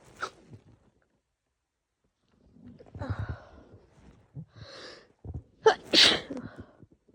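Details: Harsh sneezing fit in a female: a run of forceful, explosive sneezes with sharp intakes of breath, probably triggered by a cold and strong laundry detergent; sore throat and lungs.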